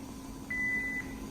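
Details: Philips MRX defibrillator charging at adult dose in an operating-room demonstration: brief steady high beep over room hum; defibrillator charge tone.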